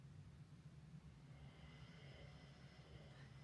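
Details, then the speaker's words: Dog snoring while asleep in the background; snoring. "Est-ce que vous entendez mon chien ronfler"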